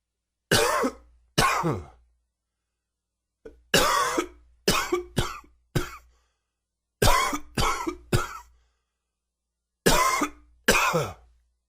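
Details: Repeated short, harsh adult coughs in small bursts with no rattle or wet sound; a nagging dry cough with a little sore throat.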